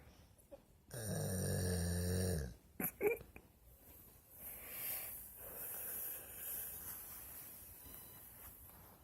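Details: Dog snoring while asleep: one loud, buzzing snore, then quieter breathing and faint rustling; ordinary snoring.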